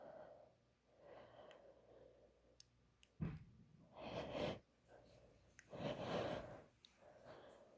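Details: Self-induced sneeze from a female with a tickly nose.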